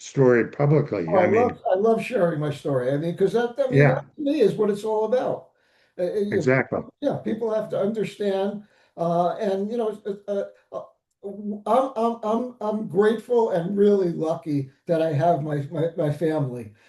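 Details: Aphasia after stroke in an adult male survivor (older father of an adult son).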